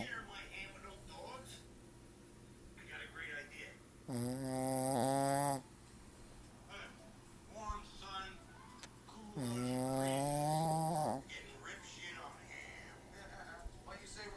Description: My dog snoring